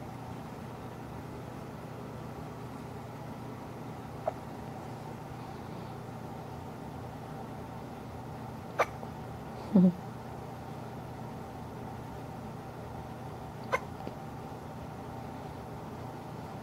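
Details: Hiccups in a 3-day-old newborn girl, recorded in hospital: faint, sharp little hiccup clicks, about four over sixteen seconds, against steady low background hum.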